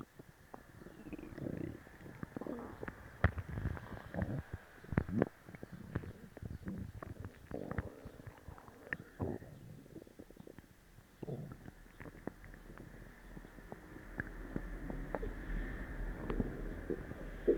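Frequent loud gurgling and rumbling bowel sounds, active and nearly continuous, following a laxative.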